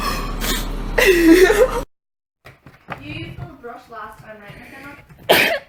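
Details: Person sneezing repeatedly over a couple of minutes: loud explosive sneezes at start and end with voiced sounds between, over background music.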